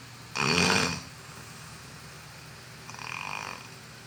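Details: Snoring during sleep: two snores, a loud rattling one then a softer one, separated by a quiet pause.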